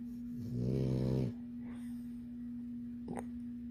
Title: Puddin / The labrador puppy that snores in her sleep 💤 😍 / @Nils'Garden